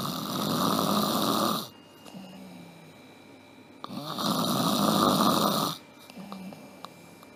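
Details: Simulated, acted snoring in a comedy skit: two loud, rasping snores with quiet pauses between, about two cycles in seven seconds.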